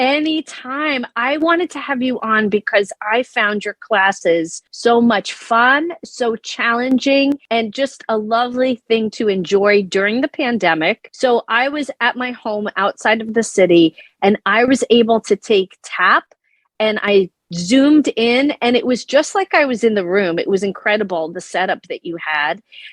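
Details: Adult woman speaking; normal voice.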